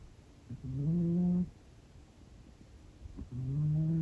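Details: 16-year-old female cat in deep sleep during a nap: two drawn-out, droning snores with a short quiet pause between them. Snoring.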